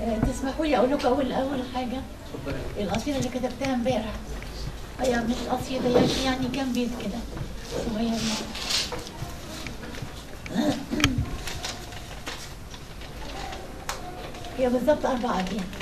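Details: Dysphonia in an adult woman reciting poetry at a memorial; she reports that something happened to her vocal cords after mechanical ventilation, affecting her voice.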